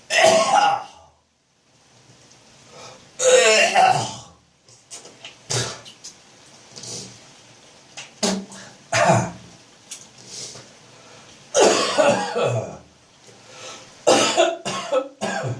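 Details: Adult's morning chesty, phlegm-building autumn/winter cough: repeated wet coughs, throat clearing, gagging and spitting; productive cough with throat clearing.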